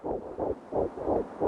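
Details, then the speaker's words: Rapid, regular whooshing fetal heartbeat at about 170 beats a minute. "You hear that sound? That's the sound of a child's heart beating. That can be measured now as early as 16 days after conception."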